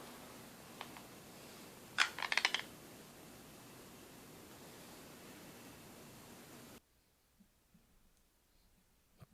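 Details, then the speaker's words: Sleep bruxism recorded during a pediatric sleep study (polysomnography), likely a girl: brief burst of harsh, gritty grating clicks from teeth grinding over steady room hiss. "If you hear the sound, it's just awful, and you should probably document that in the notes that you can hear the bruxism."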